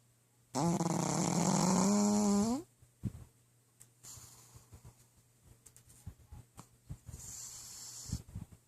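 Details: Pug named Jasmine sleeping: a long, loud buzzing snore rising to a squeaky pitch, then snuffling and smacking noises and softer snores; noisy snoring.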